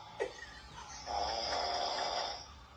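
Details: Couple recorded snoring in a small room; the recording is played back and one partner accuses the other of snoring: a single long, rough, rattling inspiratory snore. Finding: snoring.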